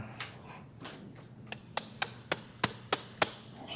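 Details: About seven sharp metallic taps: malleting an expandable lordotic interbody cage, inserted at 7 millimeters with anterior pointing down, into the disc space during prone transpsoas spine surgery.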